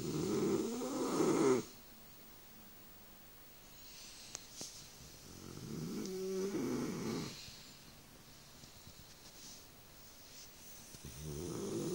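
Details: Bullmastiff dog snoring in sleep: loud, rough inhaled snores with quiet pauses between breaths.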